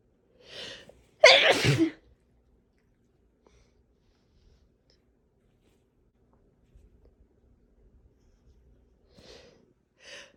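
A sharp inhaled build-up then one forceful sneeze burst, followed later by quieter breaths and sniffs. A single sneeze.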